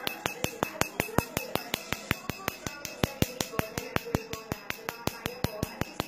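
Rapid, regular sharp snapping clicks, about 160 per minute, over faint background noise; a tattoo removal laser firing.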